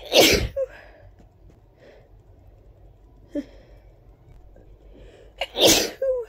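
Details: Two big, wet, forceful sneezes with a brief catch of breath between them; sneezing.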